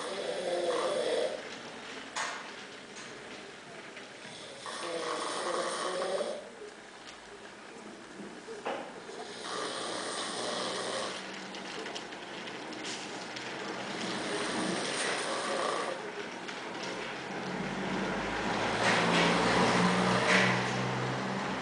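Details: Young woman snoring: repeated rough, rattling snores about every 4 to 5 seconds, some with a snorting quality, with room noise behind; ordinary snoring.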